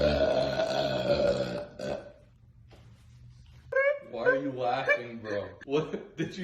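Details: Burping after a burping-powder prank: a long, loud, voiced belch, then a pause and excited talk and laughter in a small room.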